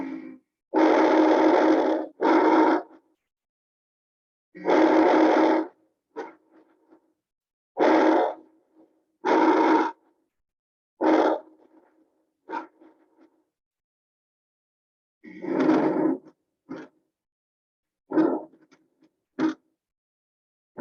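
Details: Normal breath sounds on auscultation played again in sequence, with heartbeats also audible in the background.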